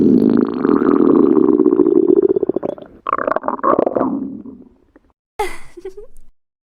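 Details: Stomach growling (borborygmi): a long, falling, fading rumbling gurgle followed by a shorter bubbling growl.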